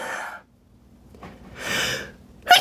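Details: Sneezing attack during a live stream: several repeated loud "achoo" sneezes in a row; the sneezer links it to seasoning and tags allergies.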